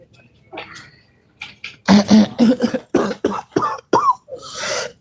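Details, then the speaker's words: Person during a really bad asthma attack with bad wheezing: a run of about eight harsh, tight coughs in quick succession, ending in a drawn-in breath. "I had like a really Oh, I had a really bad asthma attack tonight."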